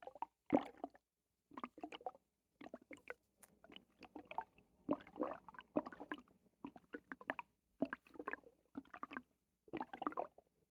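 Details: Right after a bowel movement, loud, watery gurgling bursts from the belly with brief quiet gaps, likened to a waterbed in the stomach: borborygmi.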